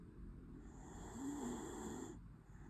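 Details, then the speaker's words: Small pet dog sleeping sweetly and snoring: a soft, rough rattling sound on a slow breath through the nose. "храпит песик. Сладенько спит и храпит. Слышите, как он храпит?"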